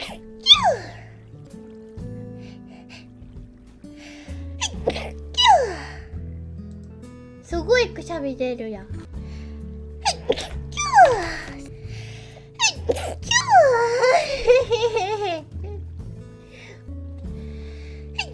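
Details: High-pitched, sharp sneeze-like bursts with gasps over steady background music; sneezing.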